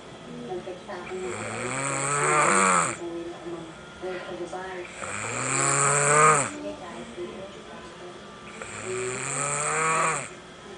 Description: this is best snoring ever seen